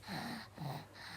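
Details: Baby with a cough whose voice is gone, per the mother, though the baby usually likes to shriek; infant aphonia (loss of voice).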